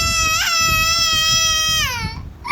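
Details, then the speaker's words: A single sustained, clear, high-pitched infant cry tapering off, from a baby upset at being stopped from throwing milk from a feeder: infant crying. "তাকে ফেলে ফেলে দিতে দেওয়া হচ্ছে না দেখে সে কাঁদতেছে।"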